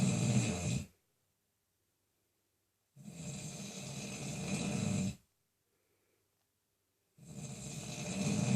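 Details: Adult man, reportedly not yet asleep: long, loud, rattling snores about every four seconds, roughly 14 a minute, with silent pauses between; snoring.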